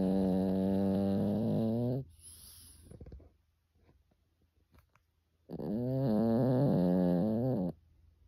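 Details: Sleeping Pekingese dog snoring like a person: two long, loud, rattly snores with a quiet gap between them.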